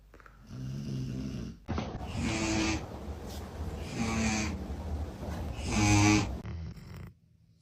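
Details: Snoring from a sleeping pet: three rough, rattling inhaled snores about two seconds apart, with a soft low flutter on each breath.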